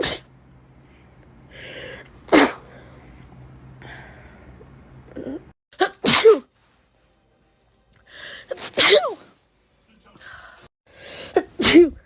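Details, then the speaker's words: Adult with COVID sneezing in a run, each preceded by a quick inward breath: several sharp, explosive sneezes; repeated sneezing during COVID infection. "got COVID and tried to record when I sneeze. Two. I have COVID. There'll be another. Only two. I've been sneezing in threes, I think."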